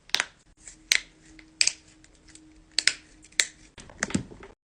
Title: cracking knuckles #shorts